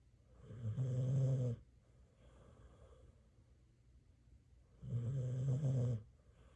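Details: Pitbull dog asleep in bed, said to have a snoring problem; deep, buzzing snores on each inhalation with quiet exhalations between, in a slow, even sleeping rhythm; snoring.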